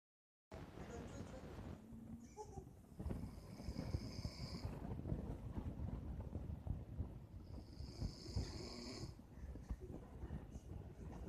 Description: This is all about my friend who snores while he sleeps.